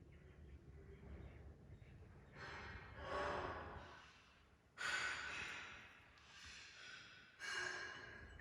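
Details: Cat: three noisy snorting breaths through the nose, each rising then fading; nasal snorting.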